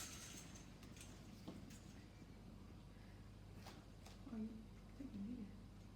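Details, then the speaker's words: Abdominal assessment of an adult man who opened his bowels yesterday, stethoscope on the abdomen: soft gurgles and brief clicks over a low hum, normal active bowel sounds. "he's got active bowel sounds"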